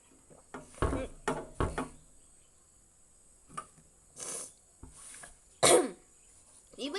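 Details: Several short harsh coughs and throat clears with breathy gasps between them, after eating very hot ghost pepper in a spicy-food challenge; cough.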